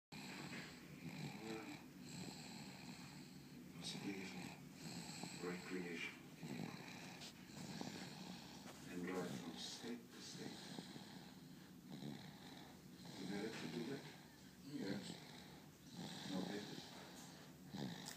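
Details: Quiet, regular snoring from a sleeping pet, each breath rising and fading against low room noise.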